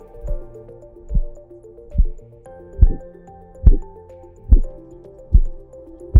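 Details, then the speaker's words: Korotkoff sounds heard through a smart wireless stethoscope (Stemoscope) during blood pressure cuff deflation: regular soft low thumps at about 71 a minute, the sound of blood flow, over background music. "traditionally blood pressure is measured with a cuff and a stethoscope and the stethoscope is used to detect the sounds of blood flow during cuff deflation so called korotkov sounds"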